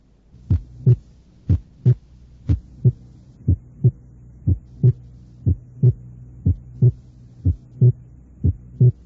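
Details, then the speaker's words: Regular heart sounds near 60 a minute; second sound single or barely split in expiration, splitting on slow inspiration (aortic and pulmonary components): physiological inspiratory splitting of S2. "normalmente el segundo ruido cardíaco es único o muy ligeramente desdoblado durante la espiración y muestra un desdoblamiento en la inspiración escuchemos el desdoblamiento inspiratorio del segundo ruido tal como ocurriría con la respiración lenta"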